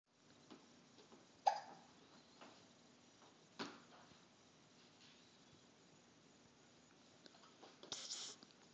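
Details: A few faint, sharp, isolated hiccups spaced seconds apart in a quiet room.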